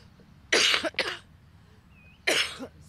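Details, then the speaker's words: Three harsh, dry cough bursts from an adult, two close together and one after a pause; persistent cough during dry weather, which can last up to six months. "o pior segundo a doutora é que a tosse pode durar até seis meses"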